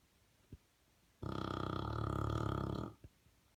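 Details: English bulldog snoring: one loud, buzzing, fluttering snore of about two seconds with soft breaths before and after, a rattling flat-faced-dog snore.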